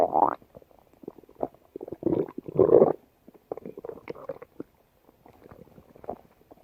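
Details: Female stomach growling: bubbly gurgles and squeaky rumbles in irregular bursts; ordinary borborygmi.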